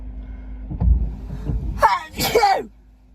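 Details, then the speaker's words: Girl sneezing during a self-administered Covid-19 nasal swab test: a sharp inhaled gasp, then one loud explosive sneeze, over faint vehicle noise. "roll it around now i'm gonna sneeze am i going too far"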